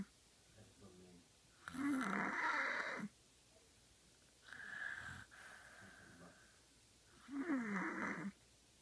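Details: 5-year-old snoring early in the morning: three loud rasping snores on breathing in, about 20 breaths a minute, with quiet breathing out between them.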